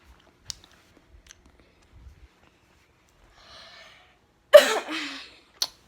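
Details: A single loud, harsh, self-described deafening cough with a brief trailing breath, from someone off school sick and at the doctor's. Quiet room sounds and faint clicks in the background.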